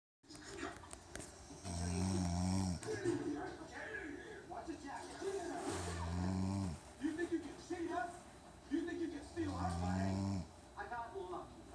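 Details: Person asleep at night: loud, rough, rumbling snores about every four seconds, with softer breathing between them; ordinary snoring.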